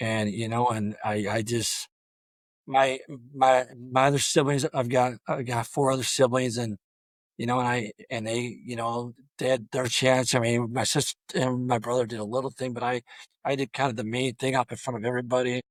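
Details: Adult male high school football coach who has stuttered throughout a career of over 34 years; stuttering.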